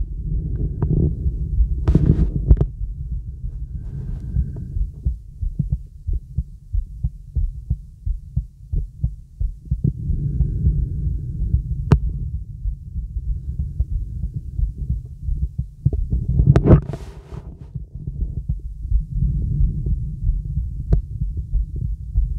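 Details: Young woman auscultated with a real stethoscope over the right lung: soft, low breath sounds rising and falling slowly, with handling clicks; normal breath sounds.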